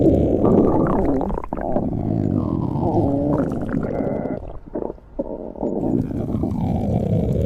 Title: Splendid stomach growling 2